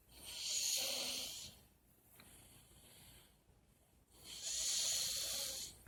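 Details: Soft snoring during sleep recorded April 24, 2018: two long, hissing, high-pitched breath sounds with a quieter breath between them.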